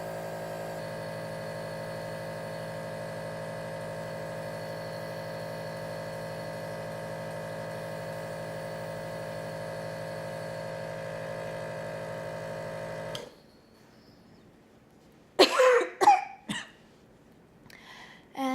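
Steady nebulizer motor hum stops, then an adult gives about three short, tight coughs during an asthma attack.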